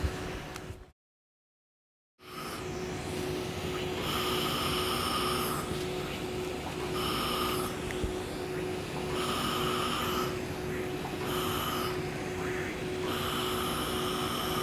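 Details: Steady rushing air from a cold-air cooling blower with a constant tone and bursts of beeping as the laser fires during long-pulse 1064 nm Nd:YAG laser hair removal on dark skin, Fitzpatrick types IV–VI.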